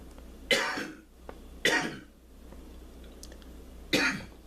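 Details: Adult martial arts instructor deliberately demonstrating a "healing cough" breathing practice meant to clear mucus; three separate harsh, forceful coughs with quiet pauses between them, in a quiet room.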